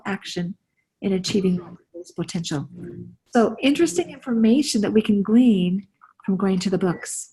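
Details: Adult woman speaking; normal voice.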